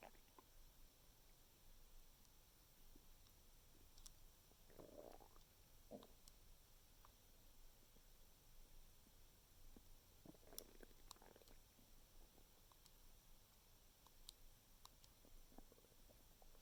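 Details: Stomach noises after eating mango: soft gurgling rumbles come and go over a quiet background; ordinary bowel sounds.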